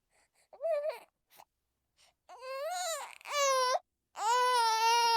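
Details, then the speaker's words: Baby boy lifted and soothed during a calming demonstration: short, rising whimpers and complaining cries with pauses, described as complaining rather than crying; mild infant fussing. "Yeah, this is not crying, sorry. This is complaining a little bit. You are allowed to complain."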